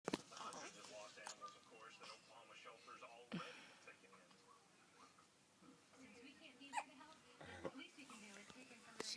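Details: Infant hiccups: sharp, abrupt catches of breath recurring every second or two amid soft infant vocal sounds and background voices.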